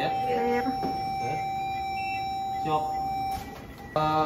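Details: During a defibrillation/DC shock cardioversion tutorial, after charging and calling "I'm clear, you're clear, everybody clear," a steady high electronic tone sounds continuously: the defibrillator alarm signalling it is charged and ready to shock.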